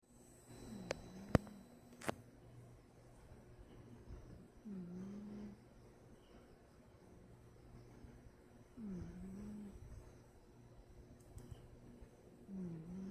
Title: Snoring